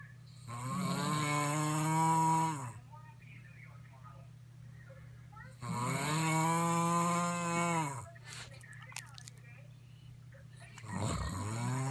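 Loud, rattling, deep-pitched snores on each breath in, with quiet breaths out between, about 12 a minute; heavy snoring.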